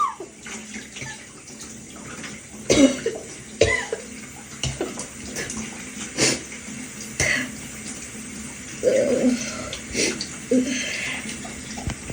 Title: Evening shower cough (VERY WHEEZY!)